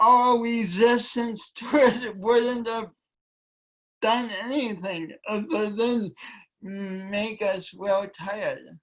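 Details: Speech impediment in a woman; she says it affects her voice and coordination and that she tried to deny it for years.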